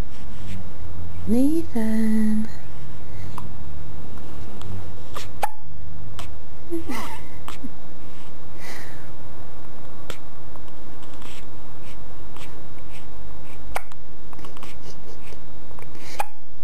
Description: Our 5 day old boy with hiccups.